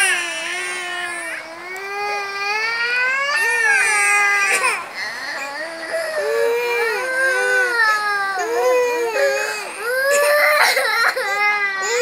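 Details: Infant cries with sustained high-pitched wails, rising and falling pitch and brief catches; ordinary infant crying.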